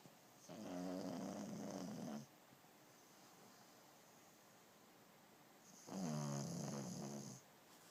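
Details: Pug napping: snoring.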